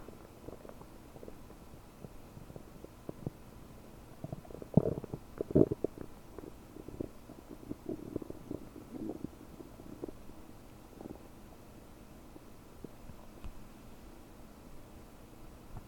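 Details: Gurgling abdomen about 9 hours after eating 30 prunes, recorded with a desktop microphone, feeling very bubbly and bloated: quiet bubbling and gurgling with a few louder rumbles, i.e. active borborygmi.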